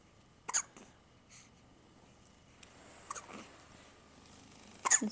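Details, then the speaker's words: Infant hiccups, reportedly about 10 times a day, sometimes during bottle feeding: brief abrupt catches recurring every second or two over faint room noise. "Hiccups again. You have a lot of hiccups. Like 10 times a day."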